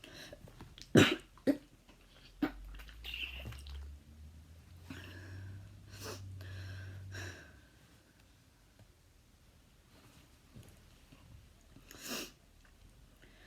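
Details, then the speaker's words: Person with a habit cough of five years, usually coughing about a hundred times per minute: several short, dry, irregularly spaced coughs over a low hum. "I usually call for what feels like a hundred times per minute and I've been coughing for the past five years so here I go"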